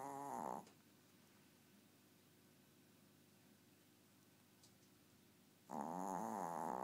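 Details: Very loud, buzzing, tonal snoring from a tiny 4-year-old sleeping pet, two breaths about five seconds apart with quiet between.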